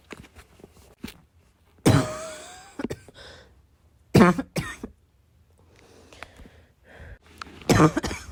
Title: this cough kept me awake last night